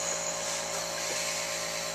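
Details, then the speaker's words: Airway clearance vest in a patient with cystic fibrosis: loud steady whirring as the compressor runs and the vest starts shaking the chest to loosen lung mucus, used alongside nebulizer medicines. "this is my vest i'll put it on and it'll start like shaking my chest which kind of helps to break up all my mucus and nasty stuff that's inside my lungs"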